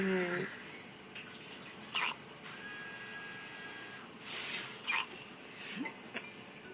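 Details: A newborn (4 lb 12.4 oz at birth) gives brief, abrupt hiccups a few seconds apart over quiet room noise, an adult voice at the start.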